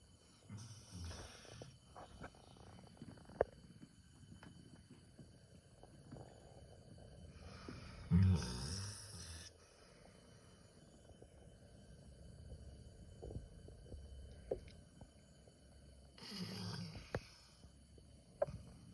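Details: Labrador snoring lightly in sleep: soft, low, rumbling breaths with a few louder snorting snores over room noise.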